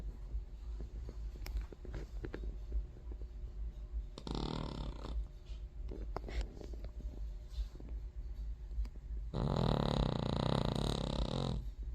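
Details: King Charles Terrier, a small dog, asleep and snoring: low rattling breath noises with one loud snorting snore near the end.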